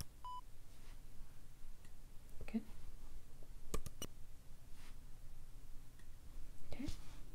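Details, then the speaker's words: Brief steady beep tones at different pitches over quiet room noise and clicks: pure-tone hearing test tones through headphones in a role-played exam by non-professionals, including frequencies hard to hear for some age groups; hearing judged intact. "i'm not going to go into frequencies that are very difficult to hear for certain age groups so some of them you might not get and that's okay"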